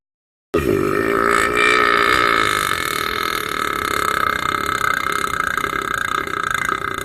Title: The Aaronic Burping